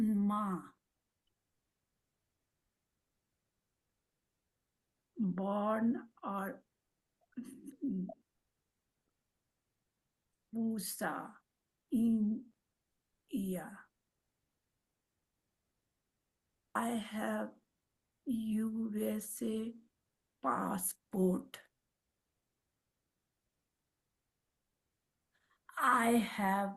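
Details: Aphasia with apraxia of speech after a stroke in a woman who speaks Marathi, Hindi and English; her words come out mixed across these languages.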